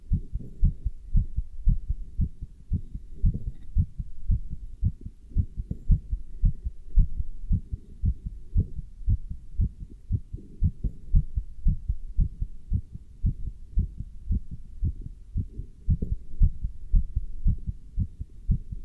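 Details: Steady, regular low thumps of an adult heartbeat at roughly 110 a minute, heard through a stethoscope with a chest band while standing still and lifting dumbbells; heartbeat.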